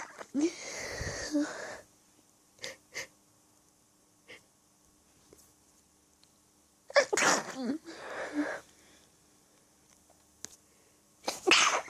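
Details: Sneezing fit from an allergy attack, recorded naturally with minimal inducing while hiding in a staged scenario: a series of sneezes, several stifled and held back, with gasping build-ups between.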